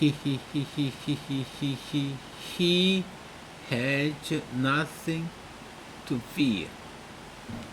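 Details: Speaker deliberately stuttering while reading a text, voluntary stuttering used to remove fear of stuttering; acted stuttering (voluntary stuttering).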